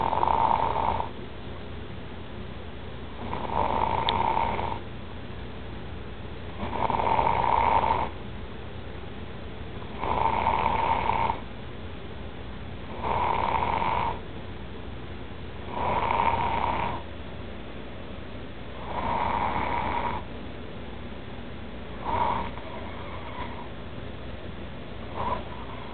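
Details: A man snoring loudly and rhythmically, one harsh buzzing snore about every three seconds, roughly 20 breaths a minute.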